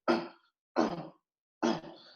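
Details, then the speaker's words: Newborn in respiratory distress makes repeated short voiced grunts on each expiration, pushing against closed vocal cords to raise intrathoracic pressure; expiratory grunting. "so this is grunting so grunting is a sign of respiratory distress"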